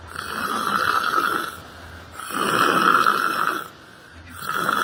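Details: Person sleeping while sitting on a library bench during yoga meditation, snoring: steady, buzzing snores in long cycles of breathing in and out, about two seconds each, with a slight room hum.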